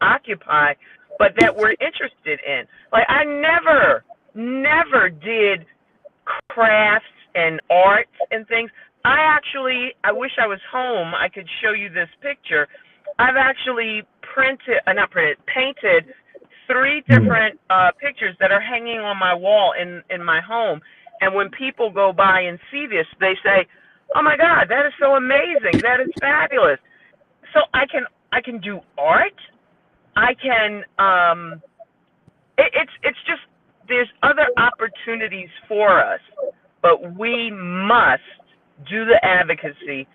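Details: Woman with stroke-related aphasia, a member of an aphasia support group, whose speech shows word errors; aphasia.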